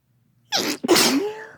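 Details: A single sneeze with a brief in-breath catch before the burst, then a trailing voiced tail; an ordinary sneeze.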